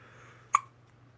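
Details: Baby girl with hiccups while trying to cry: a single sharp, abrupt hiccup over a quiet background with a low steady hum.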